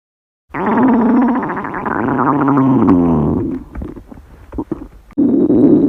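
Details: Girl's hungry stomach growling (borborygmi), growls becoming bigger and longer: loud, long gurgling rumbles with a falling, groaning pitch.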